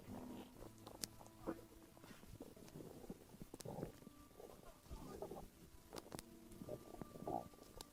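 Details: Postpartum woman's stomach, said to be relaxing from childbirth and stress while she sits back: frequent gurgling, bubbling and squeaking abdominal sounds from gas and fluid moving; active bowel sounds (borborygmi).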